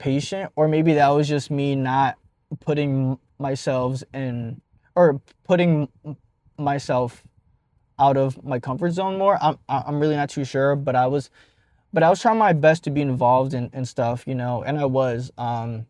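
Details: Adult male speaker; stuttering.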